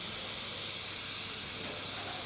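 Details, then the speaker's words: Steady, loud airy hiss of open sterile endotracheal suctioning via an endotracheal tube on a training mannequin, during the second catheter pass, suctioning on withdrawal. "so sometimes there's still more sputum in there and you have to go down again so we're going to do a second pass not suctioning on the way down"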